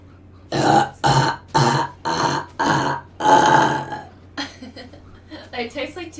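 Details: Six loud, voiced belches in a row during a live gaming stream, each about half a second long, then quieter vocal sounds: burping.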